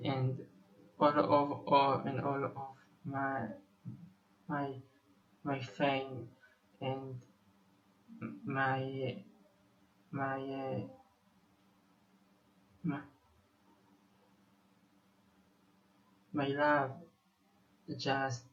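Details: 25-year-old Israeli male musician who says he has stuttered for almost 21 years; stuttering.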